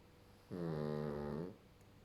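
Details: Sleeping pug: one drawn-out, buzzy, rumbling breath lasting about a second; snoring.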